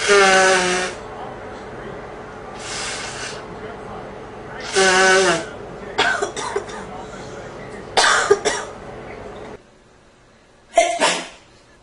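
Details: Repeated sneezes: several loud voiced bursts with noisy nose blowing between them.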